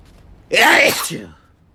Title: Variety Sneezes